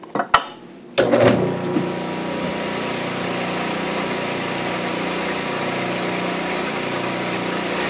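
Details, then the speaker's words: Dental lab model trimmer making the anterior cuts on a plaster study model, connecting the cuspid marks to the anterior mark: a couple of clicks, then the motor starts and holds a steady, even grinding hum. "So I'm going to go into my trimmer trying to connect this cuspid dot with the anterior. Then I'm going to turn my model and I'm going to connect this cuspid dot with the anterior region, and it'll develop a point for me."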